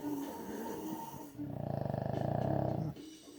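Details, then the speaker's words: Snoring late at night, either a dog or a brother being compared: low fluttering snore with rapid rattling vibration over a sustained breath, background music. "But who snores louder? My dog? Or my brother? So it's who snores louder?"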